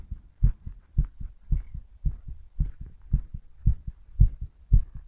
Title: STRONG HEARTBEAT